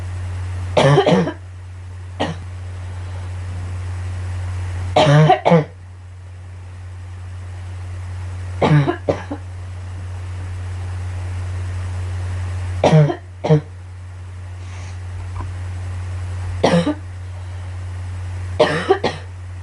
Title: Girl coughing 140